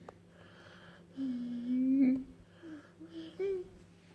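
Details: Sleeping bulldog making high, whistling, squeaky snores on each breath; snoring.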